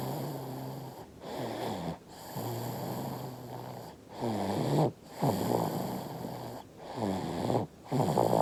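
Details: 5-month-old baby asleep, snoring with repeated soft rattling snores about 22 a minute and brief pauses between breaths, while drinking milk in a dream.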